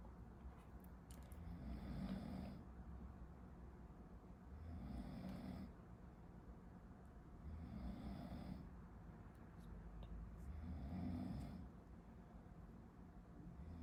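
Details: Sleeper snoring in the background while a medical student studies in a quiet room: soft, rumbling snores about every three seconds, roughly 20 breaths a minute.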